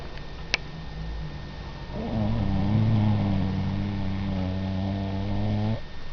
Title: Gizmo Snoring